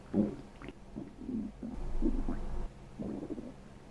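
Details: Sleeping girl's stomach recorded for ASMR: low gurgling rumbles in several short bursts from the belly, ordinary bowel sounds.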